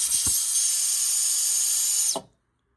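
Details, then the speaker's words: Dental rear delivery unit handpiece tubing split open after being run over by the chair: loud steady air hiss escaping through the hole, stopping abruptly. "But what happens is when you roll over it with the chair, it opens up, and now it actually has a hole in it. So when you go to run it, air is actually blowing out right in that point right there."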